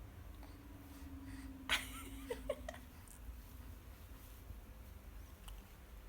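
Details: Baby sneezing: one sudden, sharp infant sneeze followed by a few soft small sounds over a low steady room hum, part of four sneezes then a big one; sneezing.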